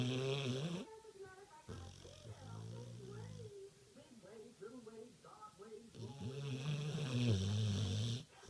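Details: Sleeping dog with low, rattling snores in slow cycles, murmured voices in the background; ordinary snoring.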